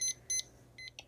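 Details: Three short, high electronic beeps as a ZOLL E Series defibrillator monitor is switched on into defib mode during CPR training setup with CPR feedback pads.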